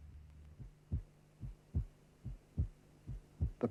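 Simulated heartbeat with paired first and second sounds, about 72 a minute; normal heart sounds, no murmur.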